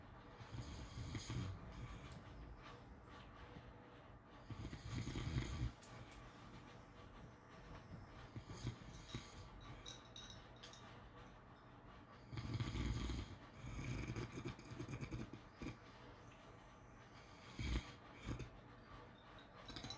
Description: ASMR snoring sounds to sleep well